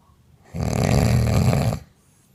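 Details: One loud, rough, low rattling snore lasting just over a second in a quiet room, from a woman recorded asleep on a mobile phone; loud snoring.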